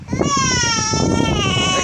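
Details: Steady, loud, high-pitched, tonal cry sustained throughout from a 3-week-old baby girl, whom the caregiver thinks is hungry again; an ordinary hunger cry.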